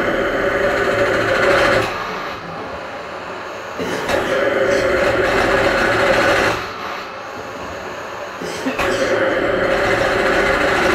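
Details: Loud whooshing airflow cycles, long pushes alternating with quieter pulls, from a Cough Assist E70 mechanical insufflation-exsufflation device helping a user clear secretions during his routine therapy.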